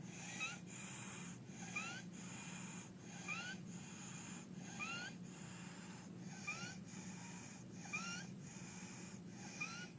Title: barking cough and stridor in croup